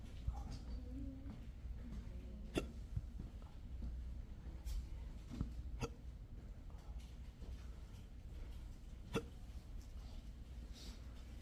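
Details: Repeated short sharp hiccups, about six over eleven seconds, amid room noise and faint talk, recorded at a doctor's office. The patient has persistent intractable hiccups, present since 2015.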